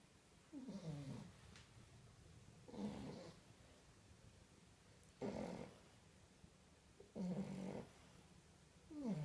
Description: Snoring baby French bulldogs! Snoring in unison.